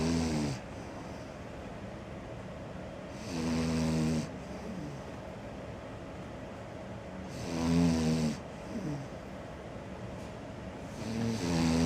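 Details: Cavalier dog snoring in sleep: low, rattling snores about 15 a minute with quiet pauses between breaths.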